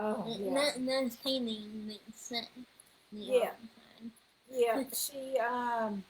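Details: 21-year-old woman whose neuropsychological evaluation found level 2 autism, anxiety, needle phobia and a speech disorder; speech disorder.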